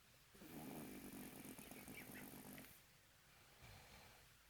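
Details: Adult boyfriend snoring while sleeping drunk: a long, rough, rattling snore on one breath, then quieter breathing with a brief second rumble.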